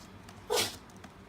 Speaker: Sorry, that's my dog sneezing, if you can hear.